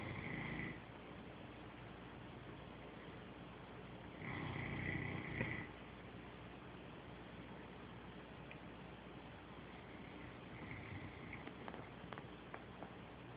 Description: My dog sleeping dreaming and snoring loud